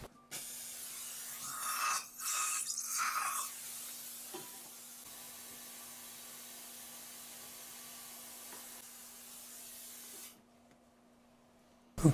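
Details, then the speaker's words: Steady spraying hiss with louder bursts from a dental water syringe rinsing during implant abutment and crown placement after fractured-tooth extraction and bone graft, after applying thread sealant to the abutment screw. "number one you squirt the Sica bond on the screw that's going to be screwed into the implant and just rinse it out real well"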